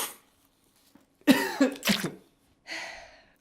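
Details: A short run of three harsh coughs, then a breathy exhalation, acted by a man portraying flu in a comedy sketch; simulated cough.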